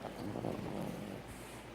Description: Cute dog (Princess Pandora the french bulldog) snores